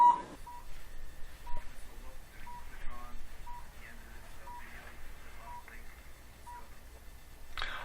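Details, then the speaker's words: Low-level (cold) laser therapy unit running a plantar fasciitis program on the foot: short single beeps about once a second over faint room noise, showing the machine is on. "Beautiful thing about this technique is you can hear the machine beeping. We know it's on."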